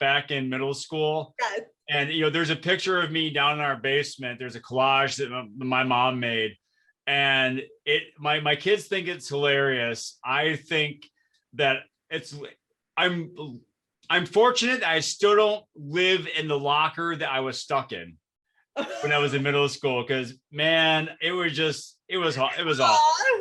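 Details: Adult male speaker; ordinary speech.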